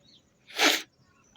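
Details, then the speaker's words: Real sneeze provoked by smelling a tobacco-type powder held near the nose: a single short, sharp sneeze against a quiet background. "इसकी जैसे गंद आएगी उससे जोर-जोर से जो छींक आने वाली है"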